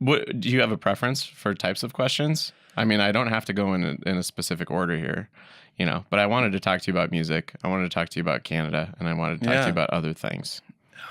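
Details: Adult man speaking; typical voice.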